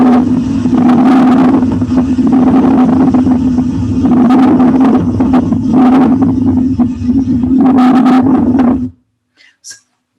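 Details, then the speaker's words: Coarse crackles (subcrepitant rales) on lung auscultation, likened to bubble wrap and to secretions popping inside the alveoli: coarse, bubbling crackles across repeated breath phases over a steady hum. "parece que tá tipo despegando tipo eu vou falar um plástico bolha né mas parece que tá te pedisse pegando ali dentro do alvéolo como se tivesse uma secreção ali dentro de novo é e esse é um crepitante"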